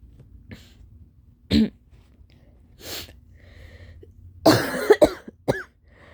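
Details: Intense coughing fit following a sneezing fit: scattered single coughs, then a loud run of harsh, closely spaced coughs with a strained catch of breath.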